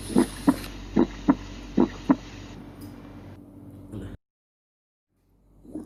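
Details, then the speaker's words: Stethoscope diaphragm auscultation at the aortic and pulmonary areas, 2nd intercostal spaces beside the sternum: three clear lub-dub beats at about 75 a minute with a crisp, normal second heart sound (S2). "Auskultasi bunyi jantung 2 atau S2 akan lebih terdengar pada area aorta dan pulmonal."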